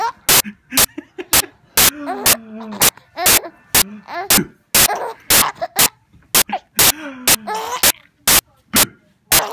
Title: Laughing with hiccups